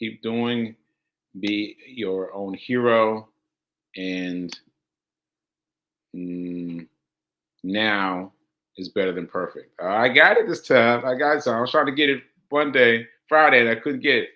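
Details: Aphasia, a language disorder affecting communication, in a male host after a stroke on July 14, about six months earlier; he says he experiences it when trying to communicate.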